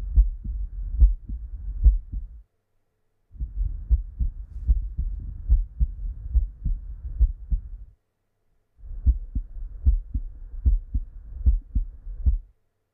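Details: Normal heart sounds (S1, S2) on stethoscope auscultation while the carotid pulse is felt: regular low lub-dub at about 70 beats a minute, with clean first and second sounds.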